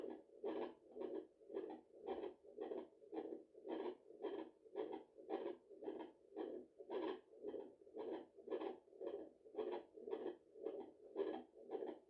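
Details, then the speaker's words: Regular whooshing pulses at about 113 a minute from the mother's own heart, picked up with a home fetal Doppler at 34 weeks of pregnancy after a large meal; she felt it was too fast and was tired: fast maternal heartbeat. "Okay, I think my heart was beating a little bit too fast. I don't know why, but I think it was beating a little bit."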